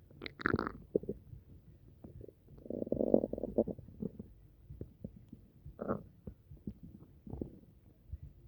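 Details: Upset stomach, which the person suspects came from something they ate: gurgling, bubbling rumbles and squelches in irregular bursts, typical bowel sounds of borborygmi.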